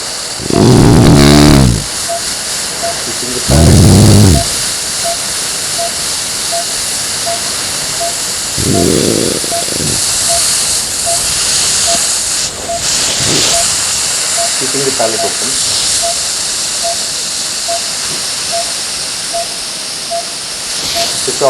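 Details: Sleep apnea patient: two loud rattling snores as the palate collapses with CPAP off, then CPAP is switched on and the steady hiss of airflow leaves only soft breath sounds; CPAP abolishing snoring.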